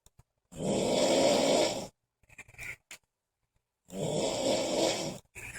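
Two long, loud, rattling snores on inhalation, each about a second and a half, separated by quiet breathing; heavy snoring.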